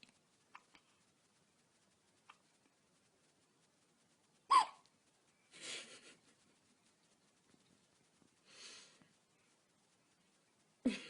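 Several short, sharp hiccup sounds spaced a few seconds apart, with soft breathing noises between them, in a quiet room; newborn hiccups.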